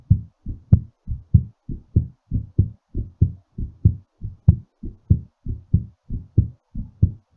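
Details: Steady, strong low-pitched heartbeat at about 95 beats per minute, fast and regular during recovery after exercise.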